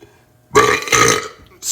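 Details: Burping in a boy: a single loud, long, rumbling belch lasting about three-quarters of a second.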